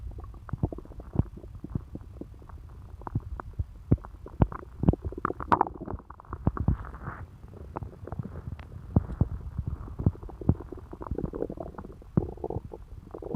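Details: An adult woman's abdomen after eating pizza: frequent gurgles, clicks and low rumbles, ordinary active bowel sounds (borborygmi).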